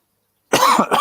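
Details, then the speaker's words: Short, rough cough burst after silence from an adult who has caught laryngitis, with a rough, hoarse voice after losing it completely for a day; cough with laryngitis. "excuse me as you can tell guys i sound a little bit ropey i managed to catch laryngitis"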